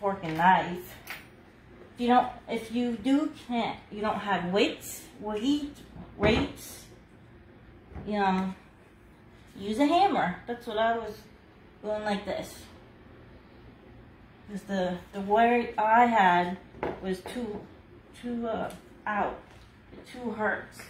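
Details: Adult woman about two years after a hemorrhagic stroke, with seven brain surgeries and one more planned, still numb, unable to talk at all a year earlier and working on speech recovery; aphasia after stroke.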